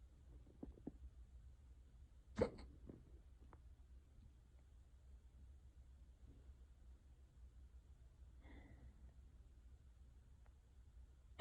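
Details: Unusually bad, persistent bout of hiccups: two abrupt, sharp hiccup sounds against quiet room noise over about eleven seconds.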